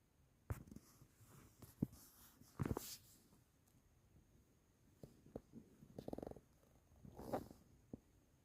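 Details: Soft, irregular snorting and rumbling breaths from a sleeping kitten (office cat); light snoring.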